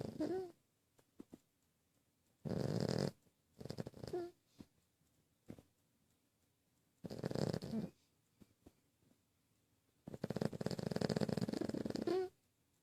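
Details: Snoring during sleep: four rough, rattling snore bursts at uneven intervals, with quiet breathing in between; ordinary snoring.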